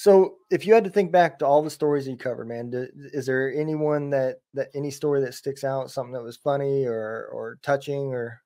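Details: Adult male speaker; normal conversational speech.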